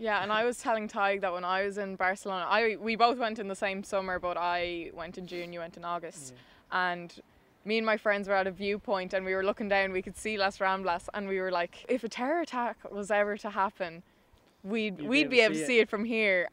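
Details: Adult woman speaking; typical speech.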